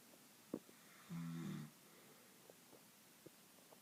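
A single low, buzzing, droning snore of about half a second in a quiet room, with a few faint clicks; ordinary snoring.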